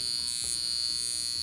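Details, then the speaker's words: Portable high-frequency glass-electrode skincare device run over the face, pores and fine lines. It gives a steady, high-pitched electric buzz like a bug zapper and feels like zapping but doesn't particularly hurt. "it feels like a zapping as it sounds like a bug zapper it feels like a bug zapper it doesn't particularly hurt"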